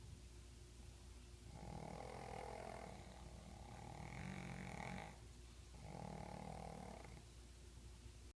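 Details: Two pugs sleeping and snoring: soft, snorting snores from flat-faced dogs, three noisy breaths over eight seconds against a steady low hum.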